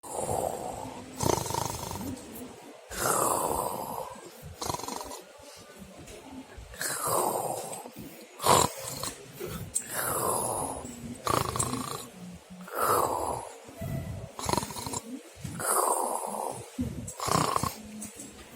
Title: suara mendengkur ngorok